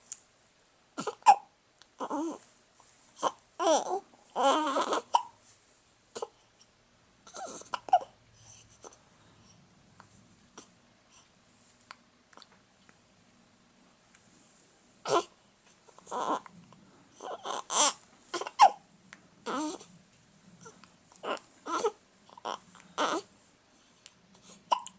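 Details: Infant who often gets hiccups: repeated short, sharp hiccups, some with small voiced squeaks, and a quiet pause midway; hiccups.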